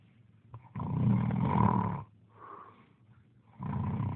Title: Snoring